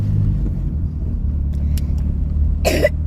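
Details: Child with a heavy cough recorded in a car: a single short, dry cough over steady engine rumble.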